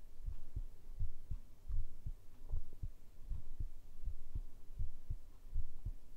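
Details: Heartbeat recorded with a binaural microphone for ASMR sleep audio: soft, low, muffled paired thumps, about 80 beats a minute, over a low hum; a normal heartbeat.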